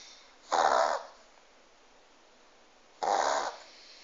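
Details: Small pug having a reverse sneezing episode: two loud, harsh snorting inhalations.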